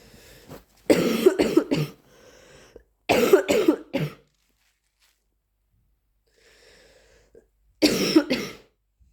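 Three bursts of harsh, rapid coughs, each with three or four coughs, separated by quiet breathing and sniffing.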